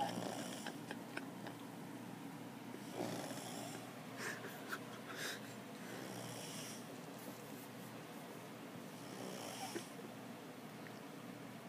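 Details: Person passed out drunk, light snoring: soft, irregular snorts and rough breathing sounds over a steady background hum.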